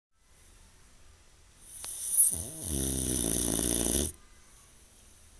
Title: Houston boxer snoring